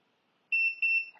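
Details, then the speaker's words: Runyes handheld dental X-ray unit: two clear, high-pitched beeps in quick succession after up and down keys held three seconds, confirming exposure time reset to default. "you can hear device will give a beep twice that means the time has been set at Default Time"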